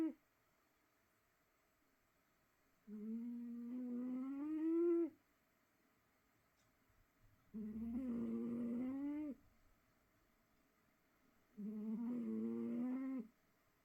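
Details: Snoring in a sleeping cat: three long, droning, tonal snores at about four-second gaps, with silence in between.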